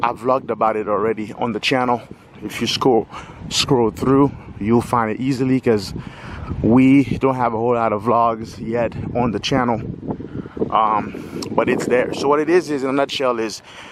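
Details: Stuttering in a 46-year-old adult male speaker who has lived with a stutter his whole life.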